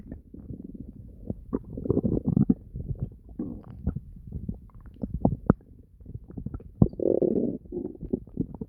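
Frequent gurgles and deep, drawn-out growls from the abdomen; ordinary stomach rumbling from digestion.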